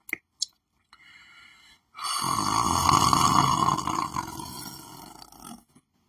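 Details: Person lying on the floor of a room: a few soft noises, then one long rough, rattling snore lasting several seconds in a small room; snoring.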